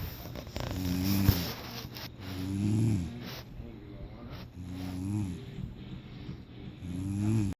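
Deep, loud, buzzing snores in regular breaths, about 15 a minute, with some room noise.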